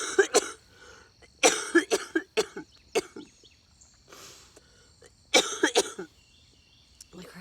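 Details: Young woman with cystic fibrosis: two bursts of harsh, repeated coughing, about eight to ten coughs in all, amid two and a half weeks of intense nightly coughing fits around 1:45–2:15 a.m.; persistent cystic fibrosis cough.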